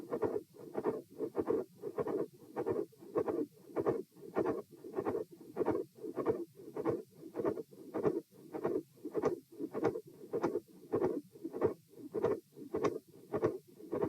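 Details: Repeat auscultation stress test at position E, lying then sitting, standing and lying again, heart rate 84-96-114-78 bpm; midsystolic click with midsystolic murmur and fixed split S2.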